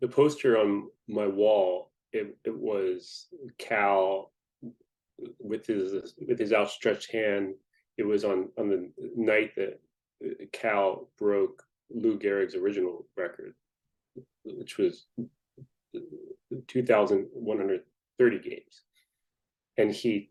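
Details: Adult person who stutters, speaking in a podcast interview; stuttering.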